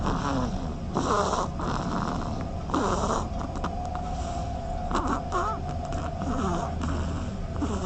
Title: Duckling Snoring FUNNY